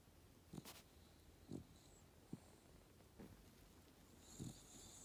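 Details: Soft, low, rhythmic snorting breaths in a quiet room, each a fraction of a second: gentle snoring from Callie, a small old female dog asleep at the foot of a bed, with sleepy twitching.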